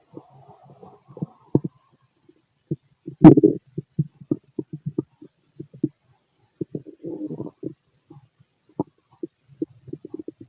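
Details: Male's stomach growling: frequent irregular gurgles, pops and short rumbles from the belly; normal bowel sounds of healthy digestion.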